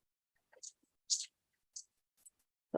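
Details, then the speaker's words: Degraded speech of the sentence "a bicycle has two wheels": hissy, whisper-like bursts following a speech rhythm; noise-vocoded speech simulating listening through a cochlear implant, played by an audiologist. "what you'll hear first is a degraded speech signal and I will just say if you're listening through headphones to just be aware of the volume so you don't um have your ears blown out"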